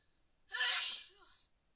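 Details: A single sharp, explosive sneeze during a cold: a loud hissing burst of air fading into a short trailing exhale in a quiet room.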